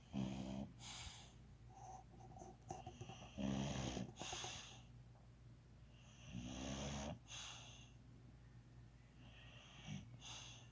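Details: Repeated rough snoring breaths with a whistling, snorting edge, about three in ten seconds; snoring.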